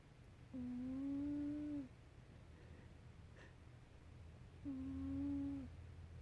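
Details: Overweight sleeping cat snoring: two steady, humming tonal snores a few seconds apart, each lasting over a second, in a quiet room.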